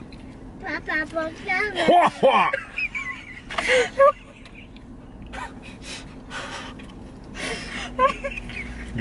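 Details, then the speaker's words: High, squeaky wheezy gasping breaths break up an adult woman's laughing fit in a car, with quieter breathy pauses; she says she has never made that noise before. "her a minute this happens nothing's wrong baby I'm okay I've never made that noise before sorry baby"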